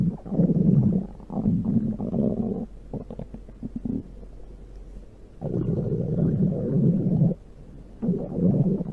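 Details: Loud, low rumbling gurgles in long waves with brief quieter gaps from the belly: stomach growling (borborygmi).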